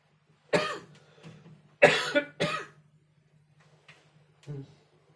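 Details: Four harsh, separate coughs with short gaps between them, the last one softer, over a faint steady hum.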